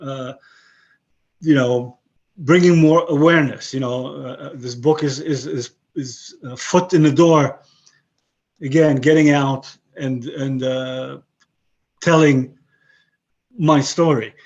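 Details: 62-year-old man with aphasia after a stroke about 11 years earlier; he has kept broken English and Hebrew but lost his other languages; aphasia.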